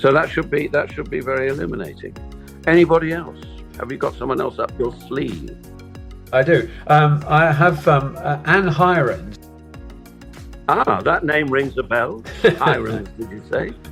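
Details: Aphasia after a stroke in an adult man, heard in conversational speech; aphasia.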